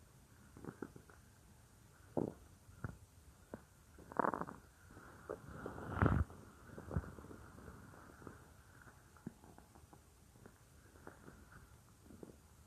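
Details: Real recording of a woman's own stomach, which she says sometimes gets loud, made for a roleplay: scattered soft gurgles and a few louder growls against quiet room noise; ordinary stomach growling (borborygmi).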